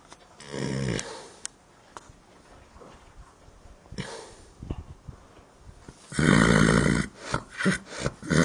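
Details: A sleeping horse in a barn gives loud, rough, rumbling snores at irregular intervals, with quieter stretches between and faint barn noise in the background.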